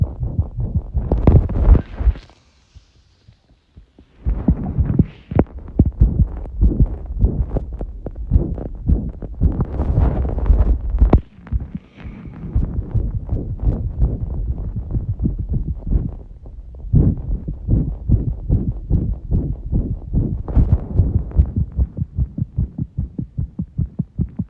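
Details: Tachycardia: heart sounds recorded under pressure, rapid muffled thumps at about 150 per minute with rubbing noise.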